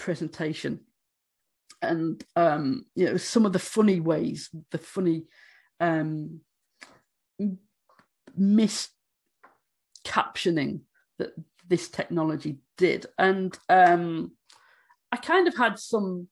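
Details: Adult woman who states she stammers, speaking during a conference presentation; stammering.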